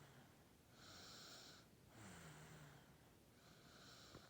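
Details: Ten-month-old baby napping: soft, regular breathing noises with a slight whistling, snorting quality on each breath; light infant snoring.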